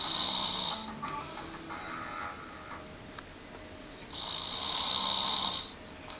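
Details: Snoring: two loud, harsh, hissing breaths about four seconds apart with quieter exhalation between; faint background noise.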